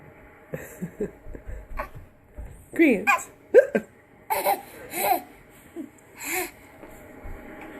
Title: Hiccups are funny